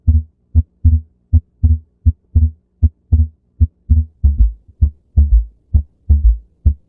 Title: Abnormal Heart sounds #shorts #abnormalheartsounds